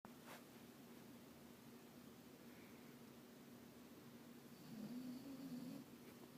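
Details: Dog asleep close to the camera: a soft, low snoring buzz rising briefly over a quiet, steadily humming room.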